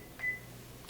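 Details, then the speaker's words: A short electronic beep from a key press on an infusion pump keypad, with quiet room hum, while keying the first two letters of ceftriaxone to program a secondary infusion in a simulation lab. "then we're going to key in the first two letters of the medication that we're using"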